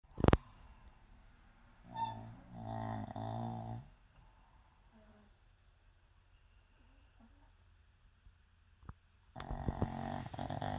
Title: Pug snoring 😴